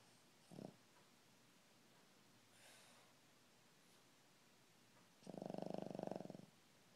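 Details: Bentley sleeping: quiet room with a brief snort, then one longer rattling, fluttering snore near the end; snoring during sleep.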